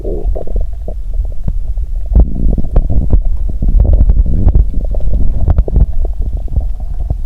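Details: Adult's abdomen after drinking cola and swallowing Mentos, stomach at its limit: continuous low gurgling and bubbling with frequent sharp pops and clicks: loud, active bowel sounds.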